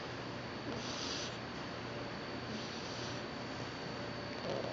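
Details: Sleeping bulldog puppy: soft, airy snoring noises repeat with each breath over steady room hiss; snoring.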